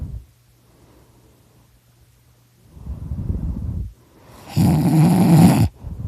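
Low rumbling breaths building to one loud, harsh, vibrating snore lasting about a second; snoring.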